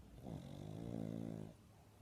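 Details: Snoring from a sleeping pug lying against its owner's face: a single low, fluttering snore lasting over a second on inhalation.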